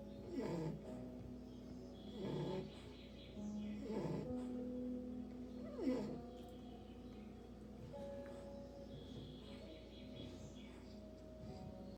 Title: English bulldog puppy snoring 😴